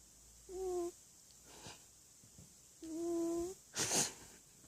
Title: Funny Snoring Cat!!